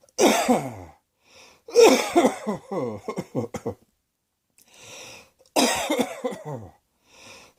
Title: Cross Dressing Coughing 1